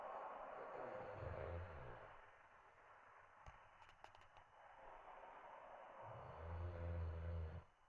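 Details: Bulldog puppy snoring: two slow, low rumbling snores with soft airy breathing between them.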